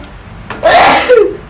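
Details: Young Taiwanese woman during a nasal swab test: a quick in-breath, then a single loud voiced sneeze in a small room; the swab triggered the sneeze.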